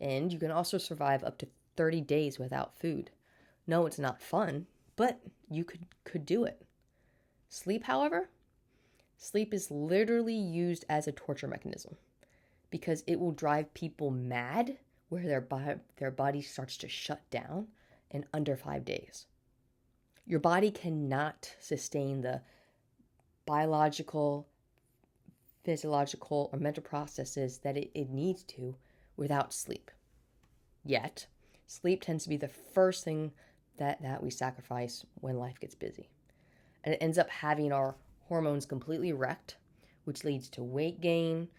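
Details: Adult woman with a stutter since birth, speech therapy throughout childhood, still stuttering day to day and getting stuck on words; audible repetitions: stuttering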